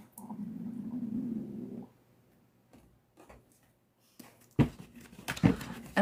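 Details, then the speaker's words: Low, gurgling stomach growl under two seconds from a hungry adult, recurring every morning, followed by handling knocks; borborygmi. "I don't know if you guys heard that, but that was my stomach."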